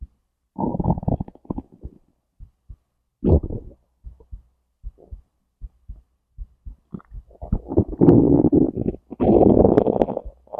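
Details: Digestion recording from stomach to intestines, heartbeat also captured: irregular gurgles and low rumbles with longer growling stretches; ordinary active bowel sounds (borborygmi).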